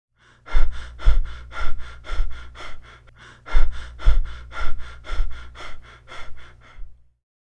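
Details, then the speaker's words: Simulated Biot's breathing, a pattern after brain injury where the inhibited breathing centre restarts only with strong stimulus such as rising blood carbon dioxide: clusters of quick, uneven breaths broken by brief apneic pauses. "now that the brain normally controls the normal breathing pattern, but in case of brain injury, the breathing center will be inhibited and will only start functioning again in case of strong stimulus. In this case, the strong stimulus is increasing levels of carbon dioxide in the blood."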